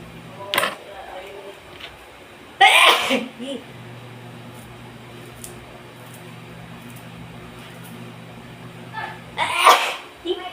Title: Cooking sneezing.